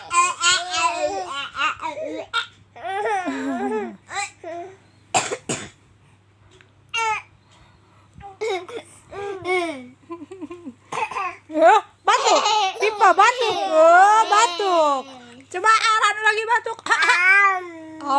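A child's voice mixes babble and laughter with short forced cough sounds, a playful imitation of coughing.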